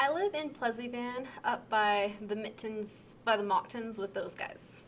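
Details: Moderate Wernicke's (fluent) aphasia, an acquired language disorder with impaired comprehension; a conversational reply to a simple question that is fluent but off-target and meaningless.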